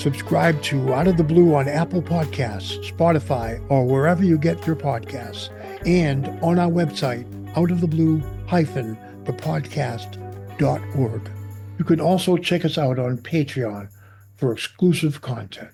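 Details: Adult man; Typical speech.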